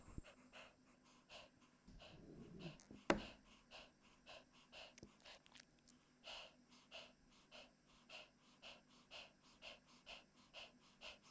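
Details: 15-year-old, 4.4-kg male Chihuahua with persistent cough after tracheal surgery, extraluminal prosthesis and permanent tracheostomy, with laryngeal paralysis and collapse and dynamic pharyngeal narrowing on expiration: rapid, harsh, rhythmic noisy breaths.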